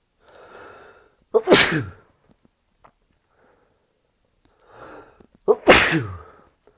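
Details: Second part of a sneezing fit, in bed recovering after an earlier fit of about 19 sneezes that followed a shower and shampoo use: two sharp, forceful sneezes, each after a short inhalation, partly held back; sneezing fit.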